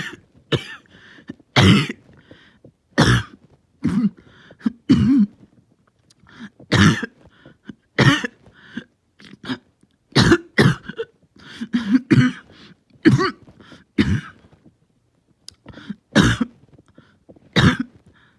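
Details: A long run of about 25 harsh, forceful coughs over 18 seconds with brief gasps between, in a bad, painful, long-lasting coughing fit.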